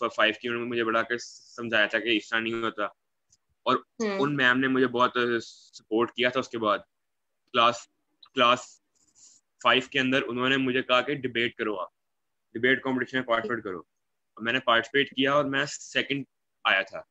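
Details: Young man who stammers, speaking Hindi on a stammering awareness panel; stuttering with repeated words.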